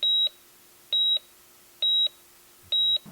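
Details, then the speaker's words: Heart rate monitor beeping, used as a delivery room sound in a song: steady high-pitched beeps, four in three seconds, about 67 a minute. "heart rate monitor so all together you have this and that's the sound of the delivery room"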